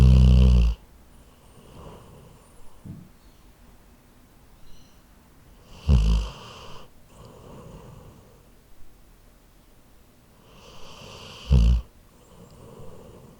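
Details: Sleeping Labrador dog recorded with a Zoom H4n recorder: deep, rumbling snores, three loud ones about six seconds apart with softer breaths between; snoring.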